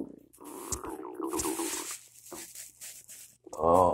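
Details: Loud morning stomach growling after cereal with peanut butter and a cup of coffee; gurgling, rolling rumbles with a brief squeaky trill in a quiet room, normal borborygmi of digestion.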